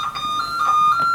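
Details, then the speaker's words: Defibrillator charging tone in a skills-lab simulator demonstration: paddles placed on sternum and apex, then the charge button pressed until the indicator shows energy available, before shock delivery. "Nah setelah kita Letakkan seperti ini maka kita pencet tombol charger yang ada di sini"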